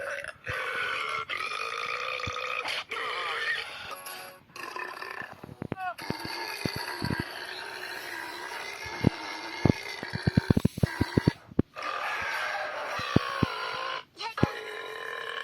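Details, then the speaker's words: Repeated long, loud, croaking voluntary belches with music and talk in the background; burping. "Wait, maybe it's just something I ate. Nope, definitely a bad feeling. Are those two things in the same sentence? Oops, excuse me."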